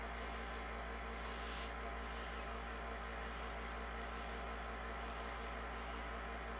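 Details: Compressor nebulizer running: steady, unbroken mechanical drone with a low motor hum and faint airy hiss.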